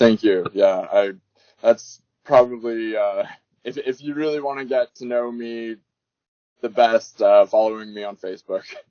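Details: Adult man speaking; Ordinary speech.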